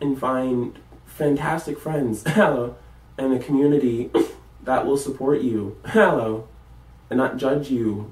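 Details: College student with Tourette syndrome; vocal tics such as repeated interjections ('Hello') while talking; vocal tics (Tourette syndrome).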